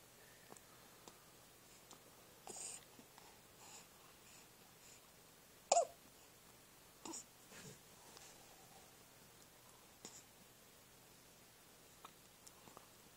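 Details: Baby boy with hiccups after being given gripe water, which backfired and he spat up: soft, brief catches recurring every second or two in a quiet room; infant hiccups.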